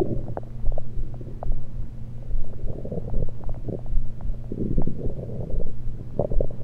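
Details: Stomach recorded with a USB electronic stethoscope, only liquids taken at the time: continuous low rumbling with frequent bubbling gurgles and pops; active bowel sounds.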